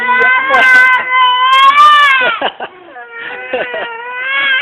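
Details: Infant crying in long, high, wailing bursts broken by short catching breaths.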